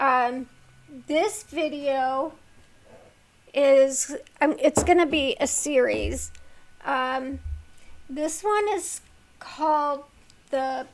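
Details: Adult woman with a neurological condition causing tremor of the hands, voice and head, plus mild tardive dyskinesia; she strains to talk; vocal tremor.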